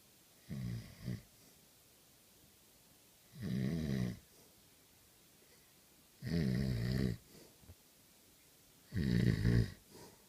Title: Snoring iPad